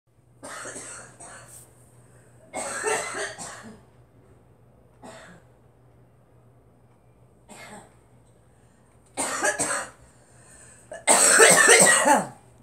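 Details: A girl (child) coughing repeatedly: about six coughing bouts, some of them double coughs, separated by quiet pauses over a faint steady hum.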